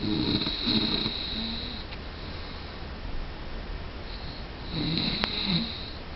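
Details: Snoring: two rough, rattling breaths with a whistling edge, separated by a quiet pause.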